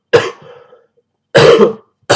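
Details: Coughing fit lasting about an hour, with a sore throat: two sharp, dry cough bursts and a third starting, with no mucus rattle; dry cough.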